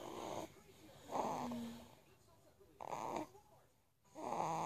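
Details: Young son snoring during sleep: irregular rasping, snorting breath sounds, some on inspiration and some on expiration, faint room noise.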